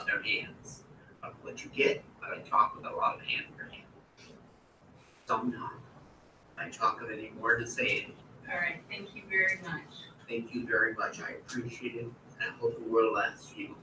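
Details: Man with Wernicke's aphasia after a stroke, producing fluent but meaningless words that do not answer questions, unaware of his errors; stored phrases remain intact; Wernicke's (fluent) aphasia.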